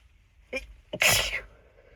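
A quick catching breath followed by a muffled, hissing burst: an adult's stifled sneeze, held back rather than fully released.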